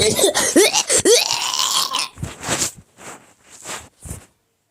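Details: Child speaking about a new squishmallow toy briefly, then giving a run of about four short, breathy coughs; cough.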